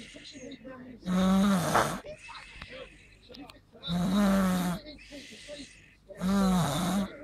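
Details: Three loud, rumbling snores at about 22 a minute, with softer breathy out-breaths between; ordinary snoring.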